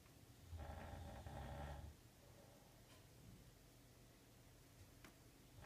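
One low, rattling, buzzy snore on a breath, then quiet breathing with faint room noise.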